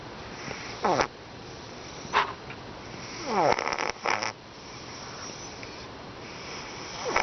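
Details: A cat snoring: short, irregular snorting snores and a few rasping breaths close together over a steady background hiss.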